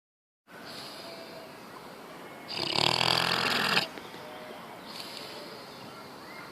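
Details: Sleeping pig snoring: one loud, harsh, rattling snore-like snort against steady room noise, with a fainter second one after it.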